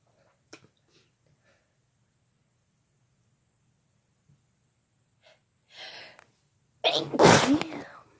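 A short indrawn breath followed by one loud, explosive sneeze; an ordinary sneeze.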